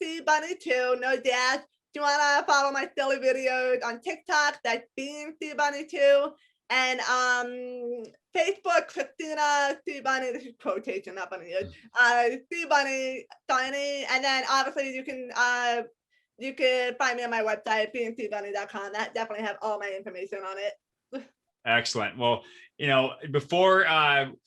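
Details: Adult woman with a lifelong speech impediment despite extensive speech therapy; speech impediment.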